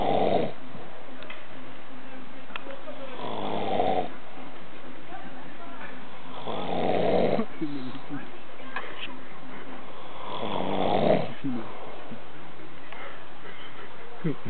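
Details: Loud, rough sleep snores recurring about every three and a half seconds, about 17 a minute; ordinary snoring.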